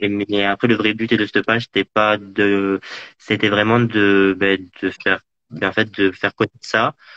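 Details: Man interviewed in French about living with stuttering: stuttering.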